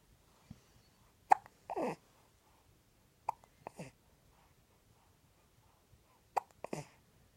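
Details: Three sharp, abrupt hiccups, each followed by a short breath or voiced sound, spaced a few seconds apart; hiccups.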